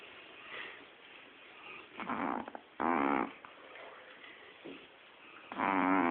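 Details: Short nasal snorting snores at irregular intervals over faint background noise from a sleeping Shih Tzu dog.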